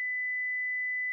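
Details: Simulated tinnitus: a steady, pure high-pitched tone lasting about a second, imitating ringing in the ears or head that may be temporary or permanent.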